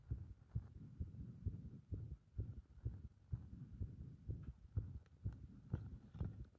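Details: Heart sounds with the rhythm disturbed by pressure (compression) on the chest: fast, dull beats at roughly 128 a minute with uneven spacing; irregular heart rhythm.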